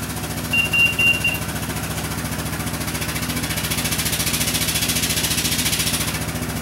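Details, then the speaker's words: High-frequency oscillatory ventilator running during an in-service on its dump-valve alarms: steady rapid piston-driven mechanical buzzing and thrumming, with a brief beeping tone early on. "we turn this flow meter on and the flow goes out the back of the ventilator through this tubing picks up humidity comes back up through here"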